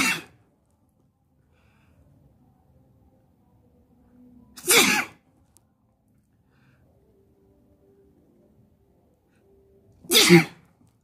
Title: Sneezing while sitting on the bed